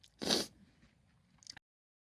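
One sharp, hissing burst of air followed by quiet, a single sneeze.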